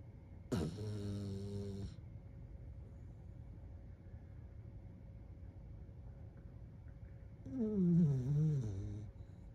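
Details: Small dog sleeping on his back, cuddled up in bed: two soft, drawn-out snoring breaths with a low rattle, separated by a long pause, over steady room hum; gentle snoring.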